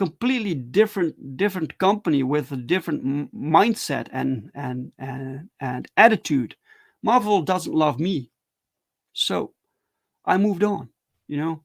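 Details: Adult male streamer who stutters, with repeated words and phrases; stuttering.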